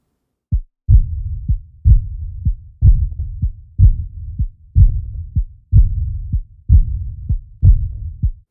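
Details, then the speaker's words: Tall thin 42-year-old man with long limbs and fingers, BP 138/56, rhythmic head bobbing; loudest at left lower sternal border: regular heartbeat near 62/min with soft, fading blowing murmur right after S2; aortic regurgitation murmur. "a tall thin 42 year old man with long extremities and fingers his blood pressure is 138 over 56 his head Bobs rhythmically when he's sitting still and you hear this murmur which is loudest at the left lower sternal border"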